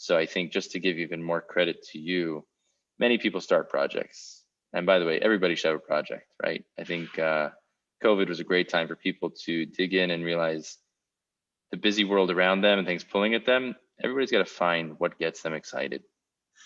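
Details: Adult male speaker; typical speech.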